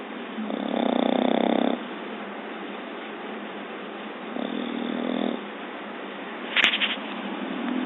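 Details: Two rough, buzzy breathing sounds about three seconds apart while sleeping on a couch, with a brief click near the end; snoring.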